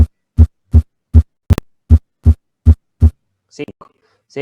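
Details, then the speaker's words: Simulated normal sinus rhythm from a heart-sound app played in a physiology class: regular low thumps near 79 a minute, normal non-pathological heart sounds as heard through a stethoscope. "eso es lo que hacemos cuando nos ponemos en el estetoscopio entonces más es aprender a escuchar el ritmo que tenemos ya no patología"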